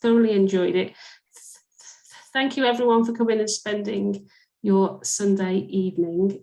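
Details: Adult woman speaking; fluent speech.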